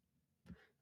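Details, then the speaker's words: Adult podcast host, single unplanned cough while speaking: one short cough-like burst resembling a throat clear, in a quiet room. "Excuse me. Well, I cough without being able to edit that out. So you get to hear the cough in the recording now."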